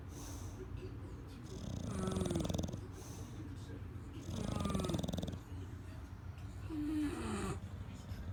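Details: Loud, rattling snores repeating every few seconds over room noise from a sleeping flat-faced dog.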